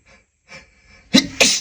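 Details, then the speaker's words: Faint held-back breaths, then two loud, sharp sneezes in quick succession from a man in an acted scenario, hiding in a dusty closet; simulated double sneeze. "But the tickle the tickle just won't stop. Just won't stop. I'll just let one out and then I'll be fine. I swear. I swear the sneezes will stop."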